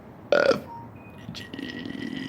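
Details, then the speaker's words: Deliberate burping of the ABCs: a loud voiced burp, then a quieter drawn-out belch-like sound, with faint background music. "I'm gonna get ready to burp the ABCs if I could remember the ABCs half the time I can't because I'm usually pretty high anyway"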